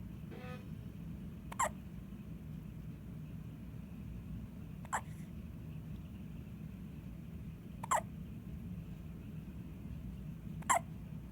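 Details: Four brief, squeaky hiccups about three seconds apart, roughly 22 a minute, over steady low background noise; hiccups.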